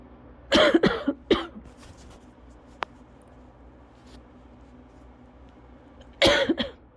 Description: This lasted forevvvver. CVA asthma attacks are just straight coughing up my lungs.